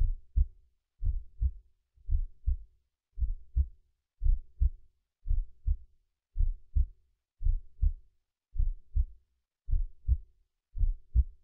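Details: An adult's own heartbeat, recorded in mono and converted to stereo with a slight binaural pitch adjustment: steady, paired lub-dub thumps at about 57 beats a minute, a normal resting heartbeat.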